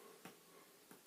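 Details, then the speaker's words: Chest percussion on a male patient during a head-to-toe assessment, done after exhale-and-hold for diaphragmatic excursion (measured 5 cm). Two quiet, hollow taps give a resonant note, normal over air-filled lung. "I'm going to listen to I hear resonant good so I'm gonna mark that spot"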